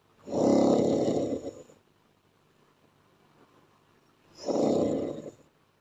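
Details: Snoring.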